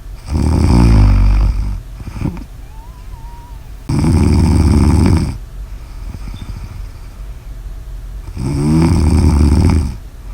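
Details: Three loud, low, rattling snores on the in-breath, each about 1.5 seconds long, with quiet breaths out between; steady, ordinary snoring.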